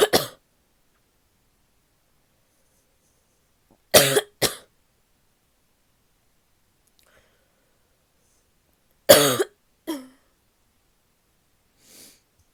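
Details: Adult woman's barky coughing fit: about five harsh, barking coughs in short bursts separated by quiet pauses.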